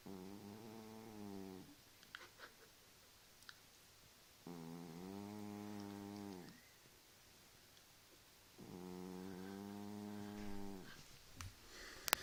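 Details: Cat snoring late at night: three long, buzzing, vibrating snores about four seconds apart, roughly 15 breaths a minute, quiet pauses between.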